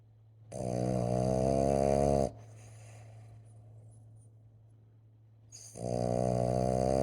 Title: snoring sleeping boston